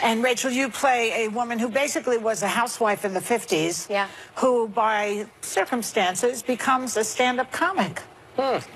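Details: Adult woman speaking; normal voice.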